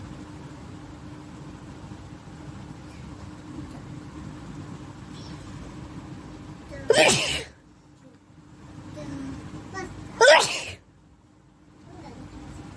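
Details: Two sharp, explosive sneezes about three seconds apart against quiet room hum, performed deliberately during a nose-blowing and sneezing challenge.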